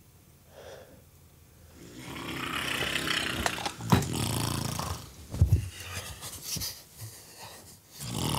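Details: Snoring in a Finnish comedy sketch, likely acted.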